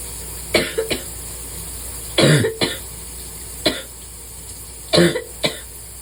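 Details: Person coughing in the shower on a bad allergy day: four short bursts of mostly paired coughs over steady running-water noise; sporadic allergy coughs.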